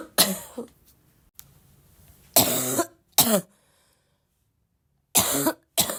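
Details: Girl with a barking cough, still sick, in a coughing fit: four harsh, forceful coughs in separate bursts, one followed by a short second hack; repeated coughing.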